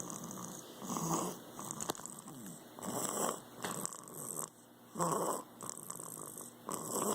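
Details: Rhythmic, rough, noisy breaths during sleep, about 29 a minute, with a congested nasal quality: snoring with a stuffy nose.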